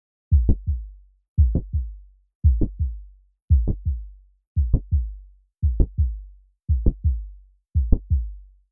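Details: Mitral valve prolapse sounds paired with a 3D animation: regular heart sounds near 57 beats a minute, with a sharp mid-systolic click between the first and second sounds and a late systolic murmur.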